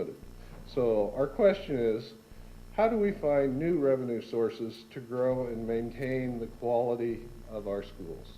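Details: Adult speaker; Normal voice.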